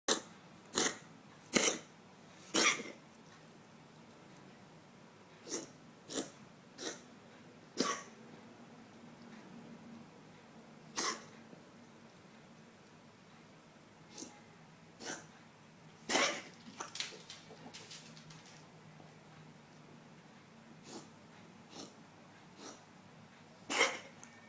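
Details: A dog gives about twenty short, sharp, harsh coughs in clusters with quiet breathing between; owner plans a vet assessment.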